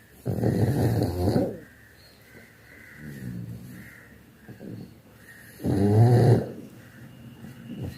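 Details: Loud, rattling snores with softer breaths between them; a dog snoring in a small room.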